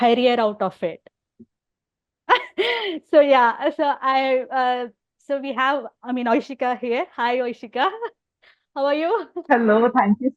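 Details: Adult woman who stammers openly (overt stammering) and also has hearing loss; stuttering.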